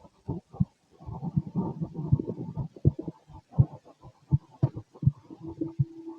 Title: Restless heartbeat 🫀🫀🫀🫀 #body #relax #heartbeat #heart #stethoscope #auscultation #chest